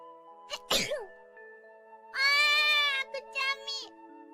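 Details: A streamer sneezes once, a single sharp burst, followed by high-pitched voiced sounds over background music, from a sneeze compilation clip.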